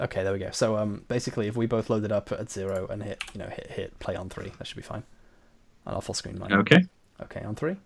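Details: Adult male speaker; Normal conversational speech.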